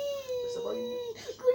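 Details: Young boy crying while looking for his friend: sustained high-pitched wailing with brief breaks, ordinary upset crying.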